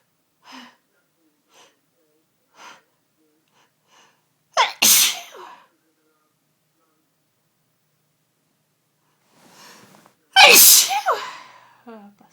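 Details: Sunday-evening fit of sneezing that came on within the last hour: two loud explosive sneezes, each preceded by quick catching inhalations, in a quiet room.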